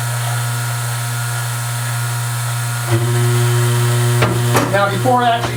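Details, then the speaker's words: Loud steady low hum of a dental lab vibrator running, with rattling and handling noise later, switched on during the 30-second vacuum mixing of dental stone before an alginate impression cast is poured. "we'll let that go for 30 seconds during which time I will turn the vibrator [Music] on for a little bit there"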